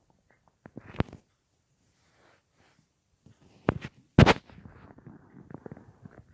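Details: Intermittent gurgles, pops and low rumbles: ordinary bowel sounds (borborygmi) at night in an adult lying on the left side, about an hour after soup with no full meal that day, phone or mic placed against the belly.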